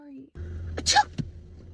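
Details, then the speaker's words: Adult sneezing on her boyfriend as a prank: a single sharp, explosive sneeze over low room hum, followed by a brief short sound; a single sneeze. "I'm so sorry. I sneeze all over you."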